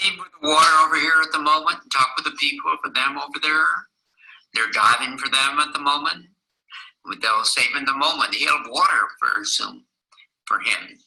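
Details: Wernicke's aphasia in a male patient with impaired comprehension, presented as a teaching example.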